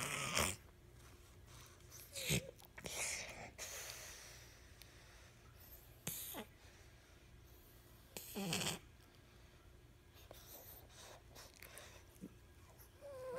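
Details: Snoring in a sleeping cat whose nose is too small for its body, which later needed several airway-opening operations: irregular snorting and snuffling breath noises from obstructed airflow.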